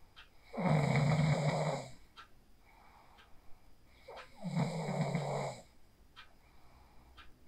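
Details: Person asleep after practicing the 4-7-8 breathing technique (inhale 4, hold 7, exhale 8), recorded on a phone: two loud, rough rattling snores on breathing in, quieter breathing between, about 16 breaths a minute; heavy snoring.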